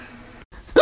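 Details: Adult at home while shaving, who says they have hiccups right now: quiet room sound, a brief silence, then one abrupt, sharp hiccup.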